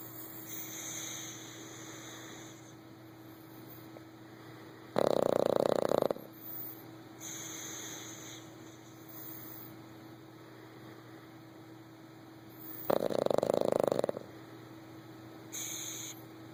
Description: My Boston Terrier, Anjel, is sitting like a person beside me in my recliner snoring loudly! Funny!